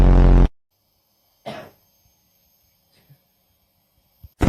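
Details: A person gives one loud, harsh cough burst while a cat reacts, followed by a quiet room with faint small noises and a brief sound near the end; a cough.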